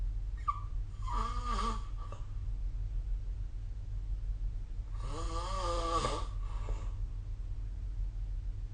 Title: 🐽 Snoring Sleep Sound / いびきの音